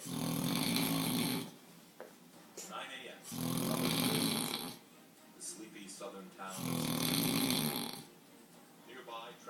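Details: Man snoring: loud, rattling snores on each breath in, about 18 a minute, with quieter breathing between them.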